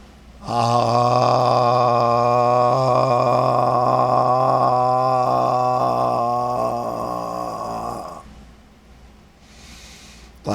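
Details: Spasmodic dysphonia (laryngeal dystonia), second attempt at a sustained "ah" vowel; strained, breaking voice.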